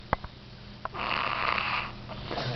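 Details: Baby asleep in a baby carrier: a couple of faint clicks, then a single long, rough, noisy snore on an in-breath; snoring.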